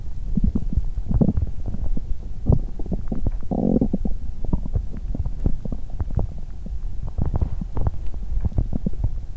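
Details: Belly sounds on an empty stomach after exercise, which caused nausea; dried apricots not yet eaten: continuing growling and rumbling, ordinary hunger bowel sounds (borborygmi).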